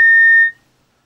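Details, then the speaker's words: A single sharp high-pitched beep, part of the pulsed alarm of a CAREvent ALS+ automatic transport ventilator, warning that gas supply pressure has dropped below 40.6 psi, with the indicator flashing green to black; ventilator low gas pressure alarm. "Should the gas supply pressure drop below 40.6 pounds per square inch, the visual indicator will flash green to black, and a pulsed audible alarm will activate, warning the rescuer that the gas supply pressure is running low."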